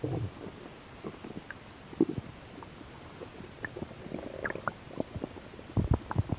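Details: Soft, quiet gurgles and low rumbles over faint background hiss, while a little hungry; stomach growling (borborygmi).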